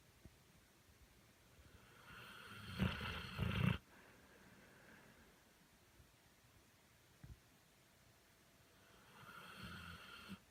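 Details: Sleeping dog snoring louder than a human: loud, rough, fluttering inspiratory snore, then a quieter one after a pause; ordinary snoring.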